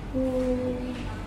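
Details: Adult woman, sustained vowel before voice therapy, after thyroid lump removal surgery; clinician notes hoarse, breathy voice and expects improvement with about one month of therapy; hoarse breathy voice (dysphonia).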